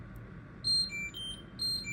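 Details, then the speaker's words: Terumo TE-LF600 infusion pump with drip sensor, during a manual bolus at about 200 ml/h: repeating high-pitched electronic alarm tones signal abnormal flow and an unstable drip, possibly because flow was too fast. "Oke, ada aliran. Abnormal."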